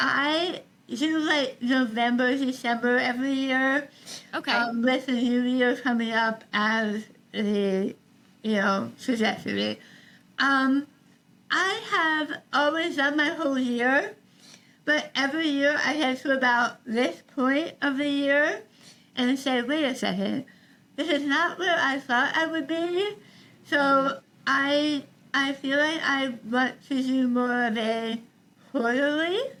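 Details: Adult woman treated for stage 4 tongue cancer: over half her tongue was removed and rebuilt with a forearm graft, plus neck dissection and six weeks of radiation and chemotherapy; some people cannot understand her; articulation disorder after partial glossectomy.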